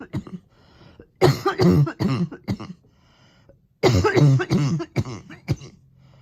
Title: Coughing 2021